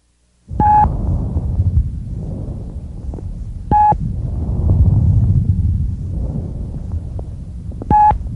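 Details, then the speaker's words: Normal bronchial breath sounds, normally heard only over the manubrium: loud, high-pitched, hollow tubular sounds like air blowing through a pipe, with a louder, longer expiratory phase and a distinct pause between phases. "these characteristically loud high-pitched bronchial breath sounds resemble the sound of air blowing through a hollow pipe their expert ory phase is louder and longer than their inspiratory phase"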